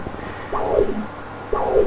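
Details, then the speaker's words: Spectral Doppler of the common carotid before the bifurcation in a 50+ patient with a feeble left carotid and acute carotid occlusion by thrombus. The stump flow has sharp peaks, flow falling near baseline and very low diastolic velocity, an external-carotid-like high-resistance pattern with PSV only about 40. "This flow is almost like a external carotid artery. You are seeing sharp peak, there is fall, the flow is almost reaching baseline, and there is very low diastolic flow velocity."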